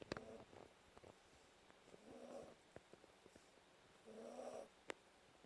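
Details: Sleeping Yorkie: soft, buzzing snores repeating every couple of seconds, with small clicks and rustles between: snoring.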